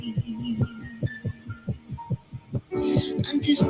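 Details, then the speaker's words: Young child's heartbeat recorded for the family during end-of-life music therapy care, about 94 beats a minute, thumping unevenly beneath soft music: an irregular heartbeat. "you can hear that that that was a young child and you can hear the irregular heartbeat and it's something very personal"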